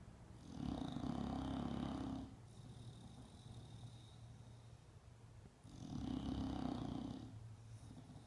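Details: Bulldog sleeping after being groomed, snoring loudly: rough, rattling, long drawn-out breaths with quieter snuffling between them, about two breaths in eight seconds.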